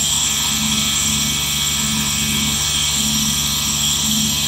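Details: Nebulizer compressor running continuously, recorded as relaxing ASMR sleep sound.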